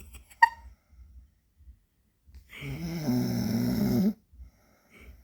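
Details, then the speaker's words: Man recorded during sleep after denying that he snores: a single loud, rattling snore with a low fluttering buzz lasting about two seconds, brief click and faint room noise; snoring. "Ya vieron se ronca el asqueroso. Y dice que no. Ronca más feo él que yo."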